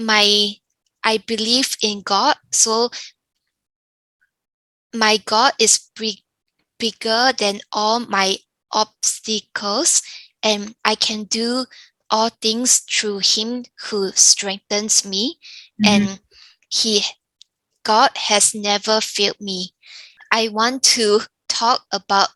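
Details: Younger adult woman with aphasia after a stroke caused by an arteriovenous malformation (AVM), following hospitalization; aphasia.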